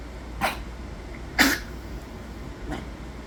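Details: Dog with fluid in the lungs giving three short, harsh coughs against steady room hum; cough.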